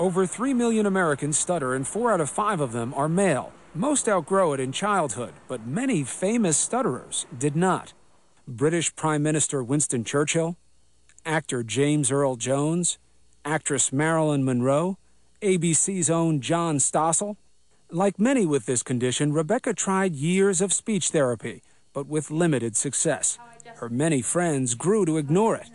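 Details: Adult male narrator; no speech disorder.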